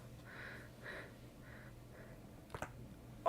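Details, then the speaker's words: An adult with stiff joints, in a quiet room with faint soft tones: two sharp pops close together, then another at the end; joint cracking (cavitation). "Now, oh, did you hear that? That was my bones cracking."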